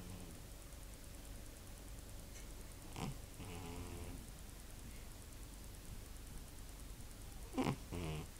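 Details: Snoring from a fat cat snoozing in the room.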